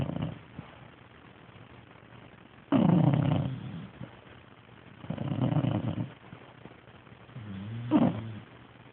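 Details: Dog (Munster) snoring while sleeping: three rough, low snoring sounds separated by quiet pauses.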